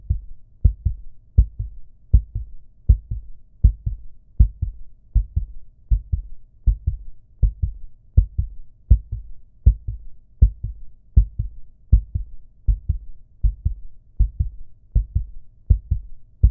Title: Heartbeat